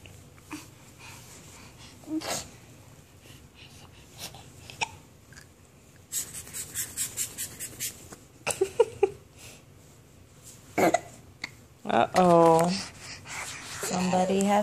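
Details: Hiccups in a possibly sleepy subject.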